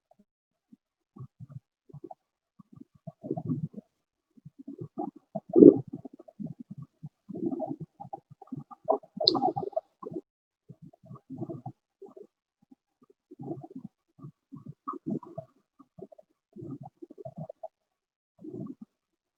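Low-pitched, gurgling, rumbling sounds recur with breaths, as if secretions are shifting in the large airways: rhonchi.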